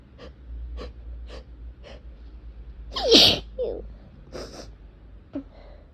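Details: Person allergic to cats, sore throat and barely able to open eyes, with tickling nose: series of sneezes, several small sneezy breaths, then a strong full sneeze and softer ones; endless allergic sneezing.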